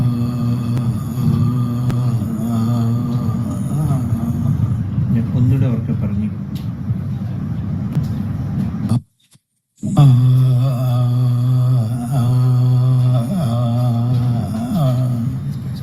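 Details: Spasmodic dysphonia, a case shown at neurology grand rounds on tremor and contrasted with voice tremor.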